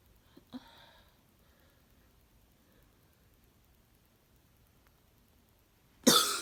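A faint small cough, quiet, then one loud, harsh cough at the end; a barking cough.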